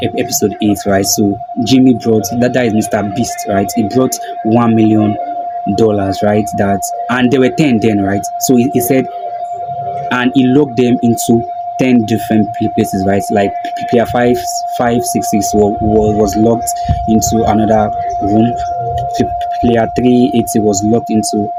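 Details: Male video host who self-identifies as a stammerer, stuttering with a broken word and a repeated word; stuttering.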